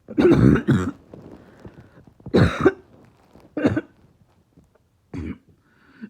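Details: Barking cough with chest really hurting: five harsh, deep cough bursts in about six seconds, the first two close together, with quiet breathing between.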